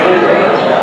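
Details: Simulated hearing loss in an English-language demonstration montage of progressive hearing loss: muffled, dull speech with the crisp high sounds stripped away.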